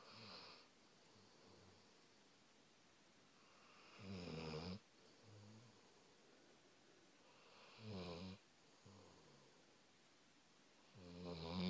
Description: My dog snoring away, lol